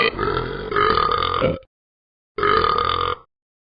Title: Ben the dog burping!